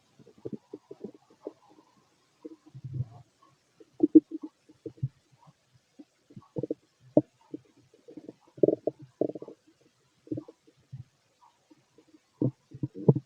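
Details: Stethoscope over the stomach of a fit adult male digesting pastry, chicken, curry, bread, milk, eggs and pasta: irregular gurgles, squeaks and rumbles in scattered bursts, ordinary bowel sounds.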